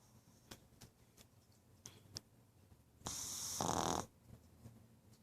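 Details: Pug snoring after a long day at the veterinary clinic and running around: faint snuffling breaths, then one loud, harsh, noisy breath of about a second; snorting snore.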